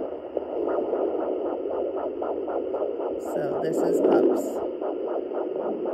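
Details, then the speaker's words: Dog pregnant about 45 days, handheld human fetal Doppler on the abdomen: fast, rhythmic whooshing or ticking pulses of a pup's heartbeat, about 230 a minute, distinct from the mother's slower rate. "here's a pop sometimes you hear the whooshing sometimes you hear the ticking"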